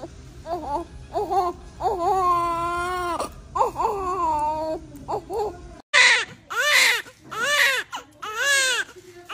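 Strong, high-pitched newborn cries in repeated bursts, from several babies just after caesarean delivery; vigorous crying expected at birth.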